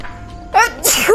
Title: Sneezing